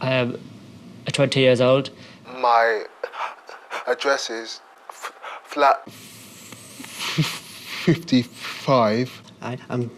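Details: Person who stammers, a new student on a four-day McGuire stuttering course, introducing himself the night before the course begins, so before therapy; stuttering.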